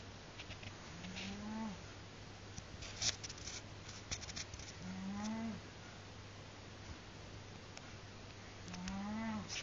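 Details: Snoring from a person sound asleep, apparently about to fall over.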